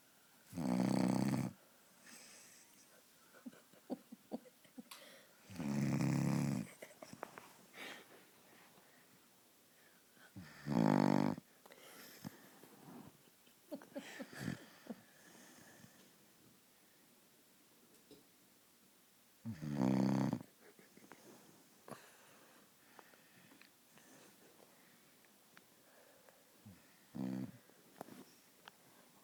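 Five loud, low, rattling snores at roughly five-second intervals from a sleeping pet, with quiet room noise between.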